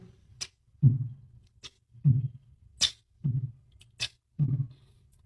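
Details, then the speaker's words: Cardiac auscultation teaching recording at the left parasternal area after mitral valve replacement: sharp metallic clicks alternate with low heart sounds, the crisp closing click of a mechanical mitral valve. "أو الميتاليك كليك أوف مايترال فالف أو أورتك فالف ريبليسمنت. مايترال فالف ريبليسمنت."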